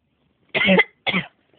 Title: was sick and this is how he coughs !